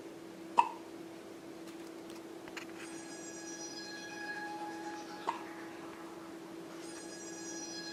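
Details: 3-day-old baby girl with hiccups: two brief, sharp hiccup clicks about five seconds apart in a quiet room with a faint steady hum and soft tones.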